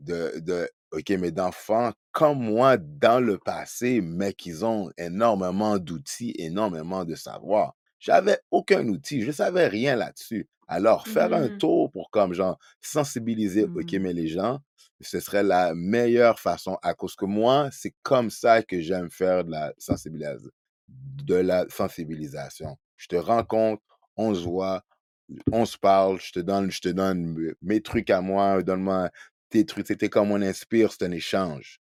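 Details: Adult man who stutters, spokesperson for a Quebec association for children who stutter, speaking French; stuttering.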